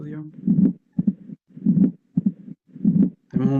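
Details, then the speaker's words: Mitral stenosis: slow heart rhythm about 50 a minute, loud first heart sound and low rumbling diastolic murmur between beats, with opening snap related to the second sound described. "vamos a encontrar el chasquido de apertura que ya lo documentamos y su relación con el segundo ruido el soplo diastólico"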